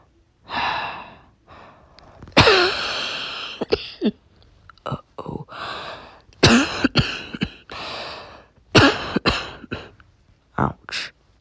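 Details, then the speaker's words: Adult with a nighttime dry, barky cough, described as nasty: a run of harsh, dry, barky coughs with sharp gasping breaths between them. "i'm back and yes if you're wondering yep i have a cough a nasty cough it's a really bad cough cough it's a dry one it's a dry dry nasty dry cough"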